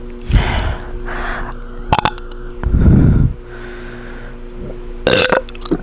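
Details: Close-up belching after gulping foamy soda: a long, loud, low burp follows gulping and heavy breathing, with a faint steady hum behind.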